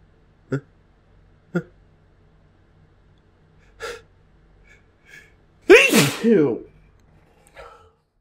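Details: Several sharp catching inhalations build up to one loud, voiced sneeze, described as bigger than usual, followed by a soft breath; buildup sneeze.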